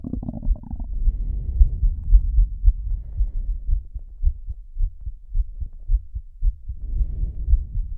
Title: slow heartbeat (w/heavy breathing)